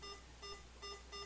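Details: VetStor CLS-SP01 veterinary IV infusion pump being set up, tube assigned as A and entered: four short, high electronic beeps in quick succession; infusion pump beep.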